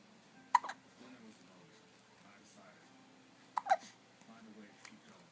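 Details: Infant with hiccups again: two brief, sharp hiccup catches about three seconds apart in a quiet room, with faint babbling.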